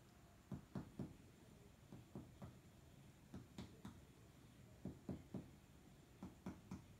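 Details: OSCE respiratory examination of a 20-year-old man with cough: paired and triple soft hollow finger-percussion taps over the front of the chest in a quiet room; resonant percussion note, a normal finding.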